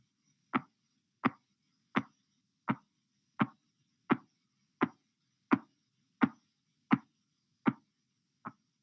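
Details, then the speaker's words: Korotkoff sounds during cuff deflation in a blood pressure demonstration, reading 116/90 mmHg: twelve sharp tapping beats at about 86 a minute, first heard at 116 mmHg and fading until they disappear at 90 mmHg. "You will hear nothing until the first Karatkof sound appears at 116 mm of mercury. The various phases of Karatkov sounds will be heard until their disappearance at 90 mm of mercury."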